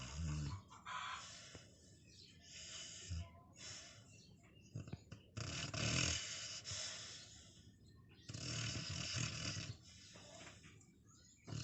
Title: Dog Snoring Loud When Sleeping